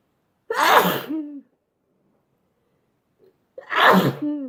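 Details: Two forceful sneezes, each a sharp burst with a voiced trailing sound, about two seconds apart; sneezing from a sneezing compilation.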